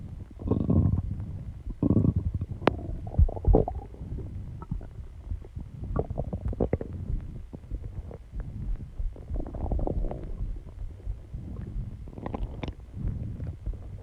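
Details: Own stomach growling recorded after exercising and calming down, alongside heartbeat and heavy breathing: low gurgling and rumbling abdominal sounds in repeated waves from gas and fluid moving through the gut; borborygmi.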